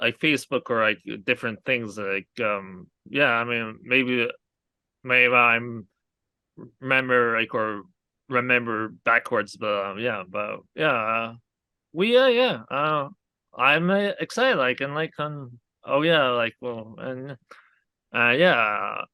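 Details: Aphasia in an adult man after a hemorrhagic stroke from an arteriovenous malformation at age 20, years into recovery with speech much improved over the past three years; many fillers and broken phrasing.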